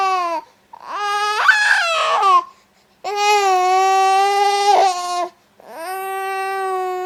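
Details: Young child, said to have fallen after climbing, crying loudly in long sustained wailing bursts separated by brief pauses for breath.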